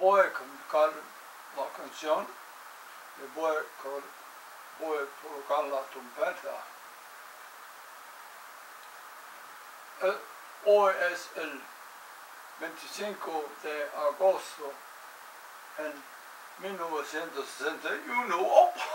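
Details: Real speaker with aphasia after a stroke; aphasia.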